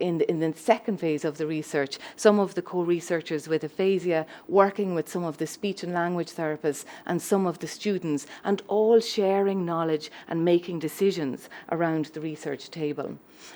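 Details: Adult woman speaking; normal speech.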